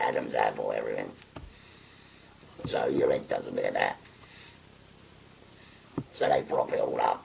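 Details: 57-year-old man with a voice valve (voice prosthesis) after total laryngectomy for stage four laryngeal cancer, pressing a button to occlude his neck stoma; tracheoesophageal speech after total laryngectomy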